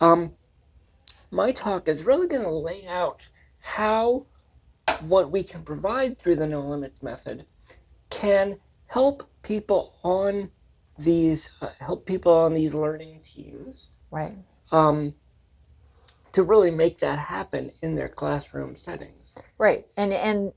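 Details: Adult man with cerebral palsy and language/speech differences; dysarthria (cerebral palsy).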